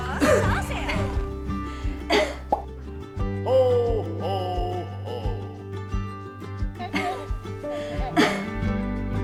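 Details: Several short, deliberate adult coughs from a woman over background music and brief voices, used in training her dog, who hides when she coughs: cough.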